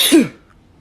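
One short, sharp, explosive burst with a brief voiced tail, fitting a single sneeze.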